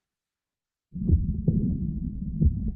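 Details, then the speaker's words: Moderate mitral regurgitation: low heart thumps with a continuous whooshing murmur filling the space between them. "here's what moderate regurgitation sounds like it's a different sound I'll let you listen for a second"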